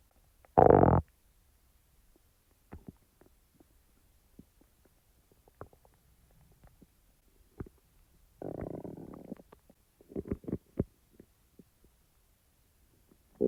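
Gurgling stomach rumbles, one loud growl, scattered soft clicks and a longer bubbling run: ordinary bowel sounds.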